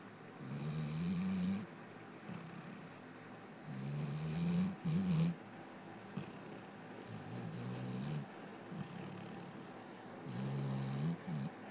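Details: Low, fluttering snores repeating every few seconds, about four breaths in twelve seconds, over steady background noise; snoring.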